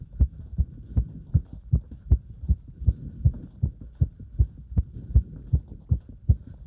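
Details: Heart sounds during step-up exercise: fast, regular heartbeat at about 158 thumps a minute; a normal heart speeding up with exertion.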